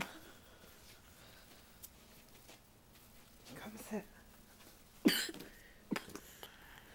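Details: A child gives one sharp cough followed by a smaller second cough in a quiet room, recorded on a Flip Video camcorder; cough.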